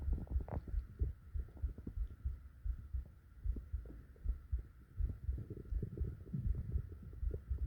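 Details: Steady, regular low heartbeat thumps over a soft rumbling stomach hum, in a relaxation recording; normal heart sounds.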